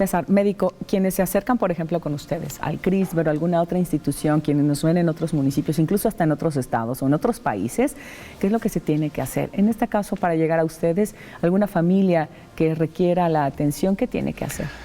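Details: Adult speaker; Normal speech.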